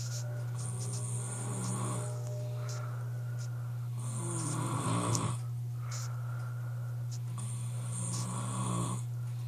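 Loud, rumbling snores repeating with each breath, about three in ten seconds, over a steady low background hum.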